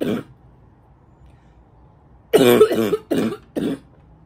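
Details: An adult who reports feeling more congested lately, possibly from allergies, gives a short run of harsh, voiced, barking coughs with a congested, rough edge.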